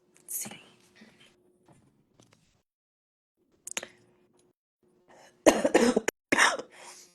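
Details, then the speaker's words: Adult who says they are sick and coughing often: a few harsh coughs and throat-clearing bursts, the last two loudest, over a faint, steady background hum. "xcuse my voice I'm so sick so I'll be coughing every five minutes"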